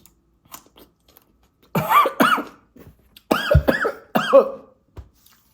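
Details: Several harsh, voiced coughing bursts in two short runs, with quiet mouth noises between, after eating habanero, Scotch bonnet, jalapeño and green and red Thai chili peppers; coughing.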